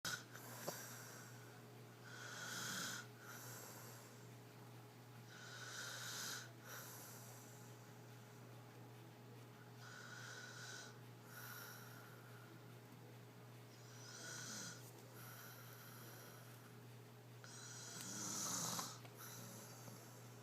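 Repeated breathy, whistling snores with a slight snort, about fifteen breaths a minute, over a steady hum; snoring.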